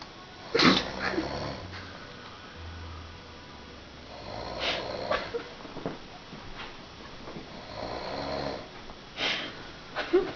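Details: Low, long, fluttering rattling snores repeating slowly with soft room noise between them; a person snoring.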